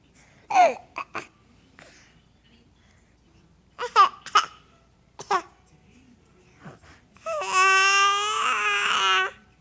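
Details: A young boy gives several short, voiced, huffing fake coughs in small clusters, then a long high squeal: voluntary cough.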